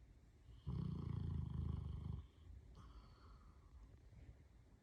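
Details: Snoring that is getting louder; owner thinks he needs a CPAP. One low, rumbling, fluttering snore on the in-breath lasting about 1.5 seconds, then quieter breathing.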